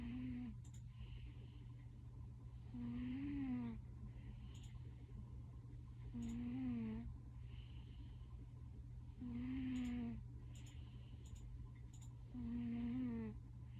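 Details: Sleeping cat snoring very loudly: loud, regular snores with a rising-falling tonal quality, about 19 a minute, over a steady low hum.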